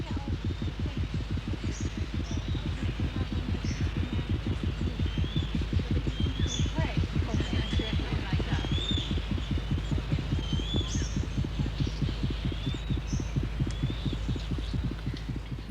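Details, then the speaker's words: Very fast, steady, low thumping heartbeat of about 160 beats a minute, with bird calls behind, from a nesting bird on a Seychelles island sitting tight on its egg; its pulse rises as visitors approach; rapid frightened bird heartbeat. "the bird's pul changes as a group of visitors draws [Music] near the bird might look calm but it's audibly terrified"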